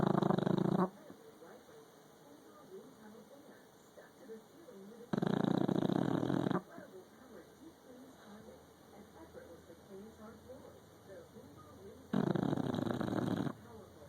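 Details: Sleeping person or animal snoring: three loud, rough, buzzing inspiratory snores about six seconds apart with quiet breathing between, roughly ten breaths a minute.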